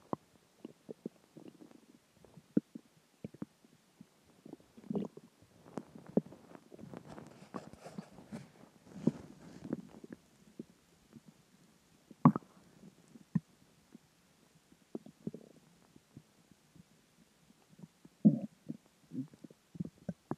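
Irregular gurgles, squelches and low rumbles from the belly. This is ordinary stomach growling from food, water and gas moving through the gut.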